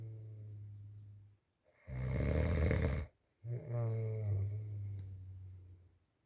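Loud, low rattling snores on each breath in, separated by quiet pauses; ordinary snoring.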